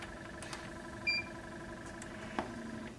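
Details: Zen-O lite portable oxygen concentrator, a pulse-flow-only unit, switched off with its button; a single short high beep over faint machine hum and room noise.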